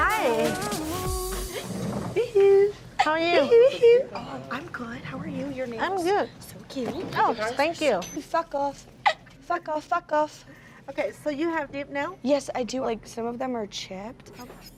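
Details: 21-year-old woman with severe Tourette syndrome and obsessive-compulsive disorder; narration ends with an involuntary swear-word tic; Tourette syndrome vocal tics (coprolalia).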